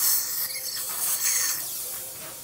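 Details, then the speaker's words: Steady high hiss of blown air lasting a couple of seconds as a dental air syringe dries a calm toddler's mouth after a rinse. "and open baby lots of air okay it's gonna get windy good"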